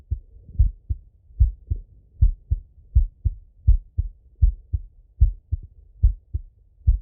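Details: Male heart auscultated with a stethoscope: steady regular lub-dub at about 74 beats a minute with no extra sounds; normal heart sounds.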